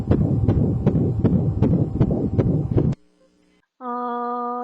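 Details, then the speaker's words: Fetal heart sounds on a Doppler monitor: rapid, regular, whooshing beats at about 158 per minute, much faster than an adult heart, a normal fetal rate. "태아에 심장소리 아 배속 안에 있는 태아는 굉장히 빠른 속도로 심장소리를 돼요 그래서 어느 그래 비해서 굉장히 빠른 속도 심장이 뛰고 있거든요"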